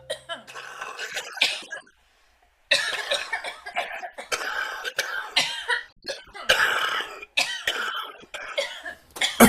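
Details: Harsh smoker's cough: a long run of repeated coughs with throat clearing, recorded outdoors in the woods.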